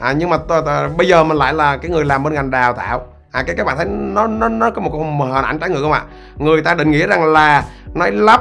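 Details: Adult male who says he stutters; stuttering.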